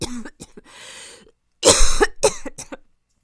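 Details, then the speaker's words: Acted roleplay of a young woman with a chronic, worsening cough that is worse at night and has normal hospital tests for pneumonia and asthma: a run of harsh, forceful coughs with strained in-breaths that leave her face red; coughing fit. "아 무기 아 죽겠다 아 기침 진짜 힘들다 얼굴 빨개졌어"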